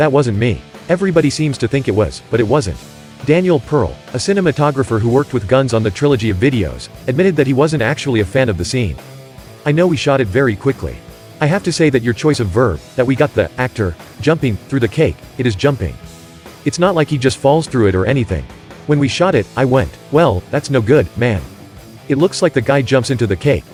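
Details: Adult male speaker; ordinary speech.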